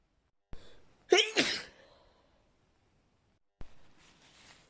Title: uncontrollable sneezing and nose blowing